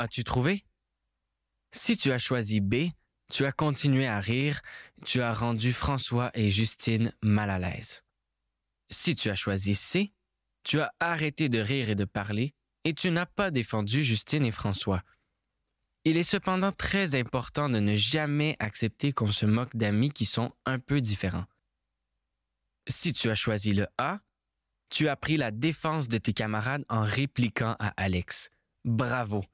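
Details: Adult narrator; no disorder.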